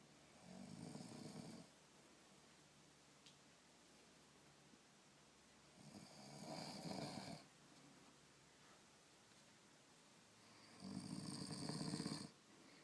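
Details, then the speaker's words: A person snoring while asleep, recorded and then played back to them after waking: rattling breaths about five seconds apart, roughly 12 a minute, in a quiet room. "你想听听自己打呼噜的声音吗？来来来，太好了，刚才录着了，听听。"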